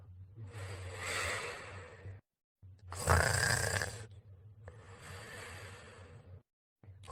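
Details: Snoring sound.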